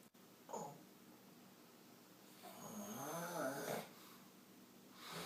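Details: Adult man snoring loudly during overnight sleep: a drawn-out, rattling snore on the breath, with a brief softer snort earlier, in a quiet room.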